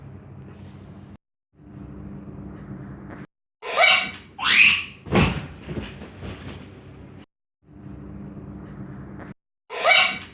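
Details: Imitated coughing showing different types of people coughing: several loud, abrupt cough bursts in varying styles between quieter stretches of room noise, not illness.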